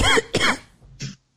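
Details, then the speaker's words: Two quick, harsh, deliberately produced coughs from an adult during a radio show test of a cough button, followed by a brief softer breathy burst. "Well, how are you going to convince me and the listeners that you are sick if I can't even hear you cough?"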